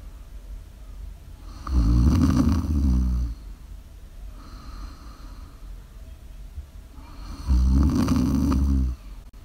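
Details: Live-streamed ASMR sleep recording: loud, rattling snores on each in-breath, about twelve breaths a minute, with quiet breathing between; typical snoring.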